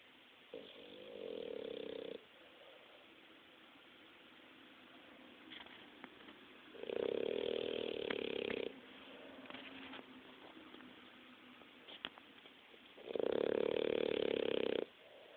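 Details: Three loud, buzzing snores of about one and a half seconds each, roughly every six seconds, over steady background hiss; snoring during sleep.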